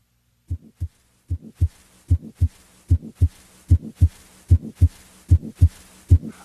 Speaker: using the six-point scale grade-one indicates a murmur that is very faint and heard only after the listener has tuned in it may not be heard in all positions